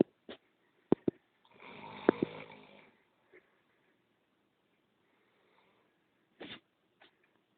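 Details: Man snoring in sleep: one rough, rattling snore, then quiet breathing with a few soft clicks and snuffles in a quiet room.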